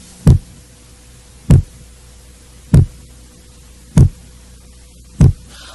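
Four evenly spaced, low, dull heart thumps at about 49 a minute over a faint steady hum; a normal first heart sound (S1).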